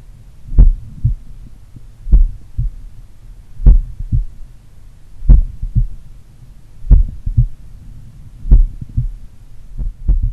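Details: Self-recorded auscultation in the morning of a person doing regular daily cardio training, at pulmonary, Erb's point or mitral site: slow, regular, strong, clear lub-dub at about 38 beats a minute with distinct S1 and S2; normal heart sounds.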